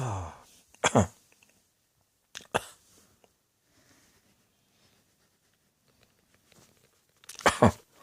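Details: Repeated coughing from an adult: three separate cough episodes, mostly quick double bursts, with quiet pauses between them in a small, quiet room.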